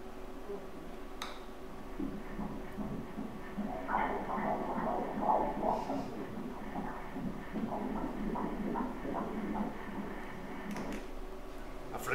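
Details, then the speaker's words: Fetal heartbeat on ultrasound at 14 weeks of pregnancy, breech (pelvic) presentation, anterior placenta: rapid rhythmic whooshing pulses amid machine hum, measured at 150 beats per minute, normal. "E ʻike kākou i ka puʻuwai o ka pēpē ma ʻaneʻi ua maʻalahi! E nānā i ka puʻuwai e paʻi ana ma laila!"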